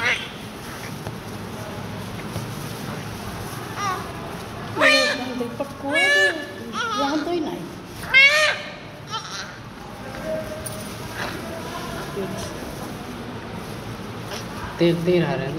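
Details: Newborn being cleaned (eyes, ears, hair): brief, thin newborn cries in short bursts over steady background noise and adult voices.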